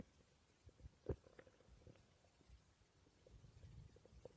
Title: My stomach growling while I slept, 600 subscriber special ❤️